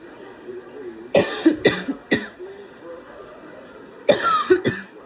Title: Got a little bit of a cough from allergies 🤧